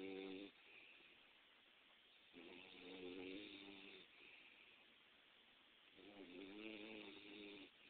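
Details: Snoring, said to sound like a human's snore.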